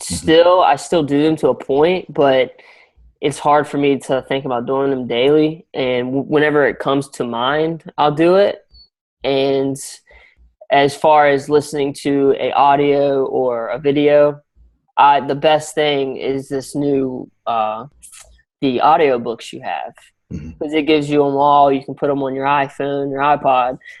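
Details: Young adult male college graduate with a stammer, in speech coaching using techniques such as extending words and daily audio practice; stuttering.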